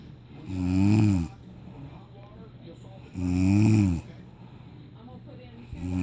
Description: It's the middle of the night my mom just fell asleep and she started snoring funny